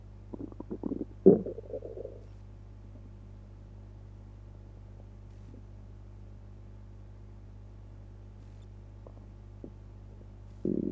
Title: Stomach noises after eating pizza